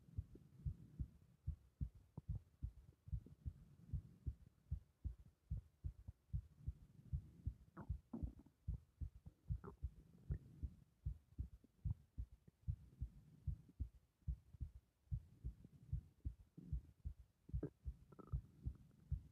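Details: Deep, forceful thumping pulse at about 75 beats per minute over the carotid artery in the neck; strong carotid pulse.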